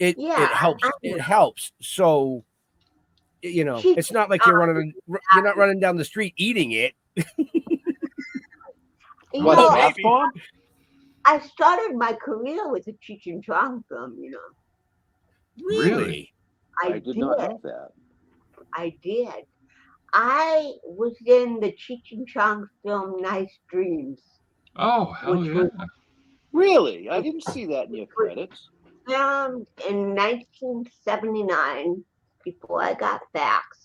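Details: Adult woman with cerebral palsy, 75% hearing loss and hearing aids; dysarthria (cerebral palsy).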